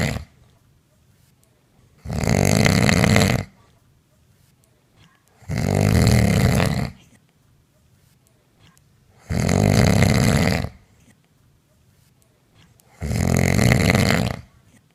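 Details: Woman's heavy snoring during sleep, recorded by partner on a mobile phone: four loud, harsh, rattling snores, each about 1.5 seconds, roughly every 3.6 seconds (about 16 a minute), silence between.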